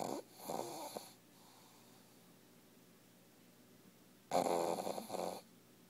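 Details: Dog sleeping in owner's lap: two rough, buzzing snore bursts, each with a fluttering in-breath and snorting out-breath, separated by quiet pauses; snoring.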